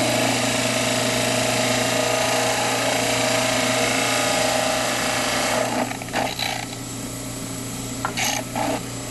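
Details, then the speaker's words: Dental model trimmer grinding a plaster cast base to the 10–14 mm limit at the buccal side so the occlusal plane sits parallel to the tabletop: steady motor whine with harsh grinding. "So after I trim my base to the 10 to 14 millimeter limit, you can see that my occlusal plane is parallel with the tabletop."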